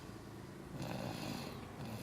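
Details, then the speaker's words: Baby girl snoring while asleep in her car seat: soft, low rumbling breaths in a quiet room, gentle infant snoring. "kira would say bye bye at this point but she's too busy snoring"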